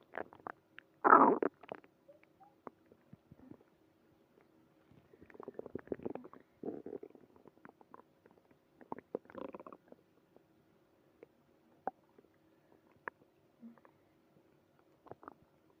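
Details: Early-morning tummy trouble: quiet gurgles and rumbles from the belly, coming and going in short runs; ordinary stomach growling (bowel sounds).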